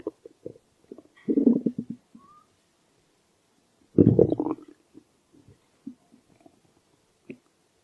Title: Stomach growl